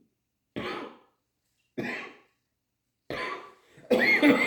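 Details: An adult recorded on 1 January 2023 gives three separate harsh coughs about a second apart, then a louder voiced, groaning cough-like sound: a short coughing fit.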